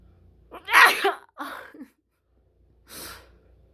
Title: Wide Nose Sneezes Africa.